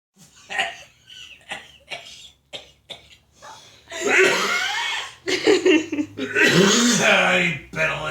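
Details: Adult man with a cold and a nasty cough lasting weeks gives a run of short, harsh coughs, then long, strained hacking and throat-clearing efforts trying to clear his lungs.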